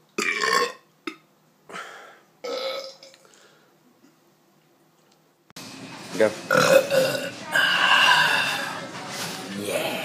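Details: Vine compilation clip of burping: several loud, drawn-out burps in short bursts, then a long voiced belch with room noise.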